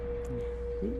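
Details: Simulated tinnitus for a Vietnam veteran exposed to war noise who was later found to have 50% bilateral hearing loss: a steady, pure mid-pitched tone over muffled background noise, imitating ear ringing.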